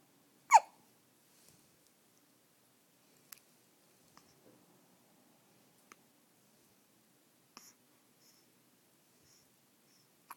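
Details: One clear, sharp hiccup followed by fainter small clicks in a quiet room; an infant with hiccups, who the mother says also hiccupped in the womb; infant hiccups.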